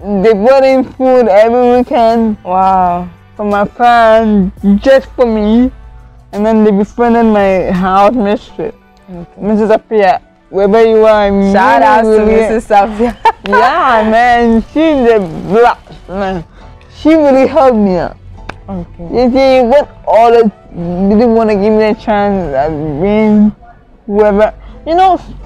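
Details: Adult woman with cerebral palsy from lack of oxygen to part of her brain, impairing coordination; could not talk at first; dysarthric speech in cerebral palsy.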